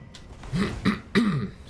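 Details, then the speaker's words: Adult male gamer coughing or clearing throat while recording gameplay commentary, saying his voice doesn't want to work whenever he records. "whenever I do a YouTube video it seems my voice just doesn't want to work anymore"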